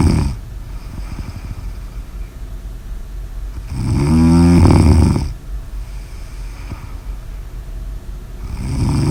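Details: Recorded snoring audio of a sleeping person.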